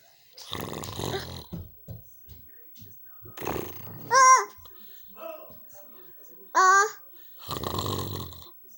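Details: Grandpa snoring while asleep at night: rough, rattling snores at irregular intervals with quiet breathing between and brief background sounds.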